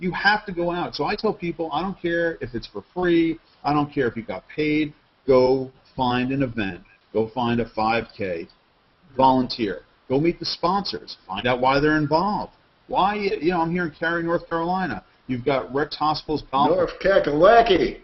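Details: Adult man; normal voice.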